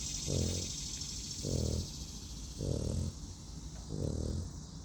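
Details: Four loud, low, rattling snores in under five seconds from a dog, deep throaty rumbles repeating regularly with each breath; snoring.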